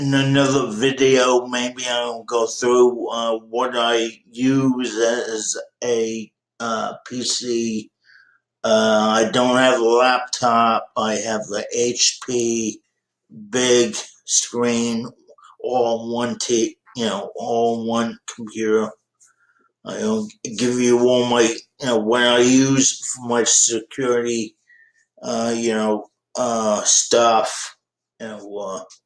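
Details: 51-year-old man with dysarthria due to cerebral palsy present since birth.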